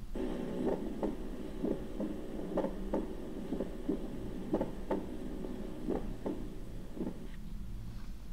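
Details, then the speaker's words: Split first heart sound, a normal finding, heard with arrhythmia: heart sounds at about 60–65 a minute, slightly irregular, with the first sound split into two close parts. "Okay, this was S1 splitting. This S1 splitting is normal."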